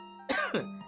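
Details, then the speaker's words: Adult with lingering congestion, feeling better but still unwell, coughs twice over background music while talking; the cough sounds a little congested. "as you can hear by my coughing. [cough] I'm still I've still got some kind of congestion going on with this thing."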